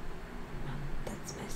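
Soft low gurgling rumble with a brief squeaky tone, typical of ordinary stomach growling.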